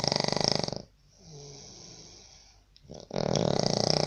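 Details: Sri Lankan man snoring in a labour camp room in Baniyas, Abu Dhabi, UAE, disturbing roommates: loud, rattling, fluttering snores on the breath, separated by quiet pauses; heavy snoring.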